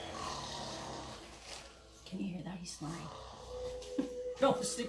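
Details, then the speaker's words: A dog sleeping on the couch snores softly and rhythmically, faint beneath room and kitchen noise; snoring. "sleep on the couch, he's snoring."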